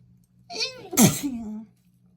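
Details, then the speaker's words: Pregnant woman sneezing after sniffing bath essence, watery eyes: a single wet sneeze, rising voiced intake then sharp explosive burst trailing into a brief voiced tail. "Oh, that's so wet. That's one big one for me, apparently."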